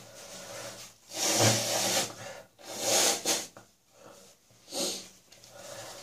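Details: Three harsh, rasping morning bursts of coughing and throat-clearing, bringing up leftover catarrh as a chest infection clears: productive (wet) cough with catarrh.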